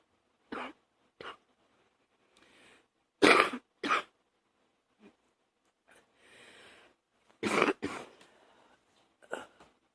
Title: # 48 one of those morning coughs